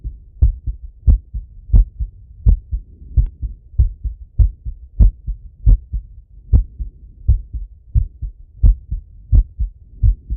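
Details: Male, self-auscultation with stethoscope after a workout set: strong, regular lub-dub heartbeat about 88 per minute; normal heart sounds after exercise.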